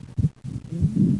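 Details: Paradoxical splitting of S2 in left bundle branch block: S1–P2–A2 split at rest ("out"), single S1–S2 with inspiration ("in"); the finding is paradoxical splitting of the second heart sound.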